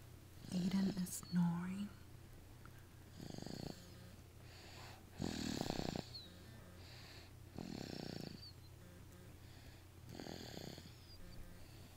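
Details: Light snoring: soft, rough snoring sounds repeating about every two to two and a half seconds, with faint room noise.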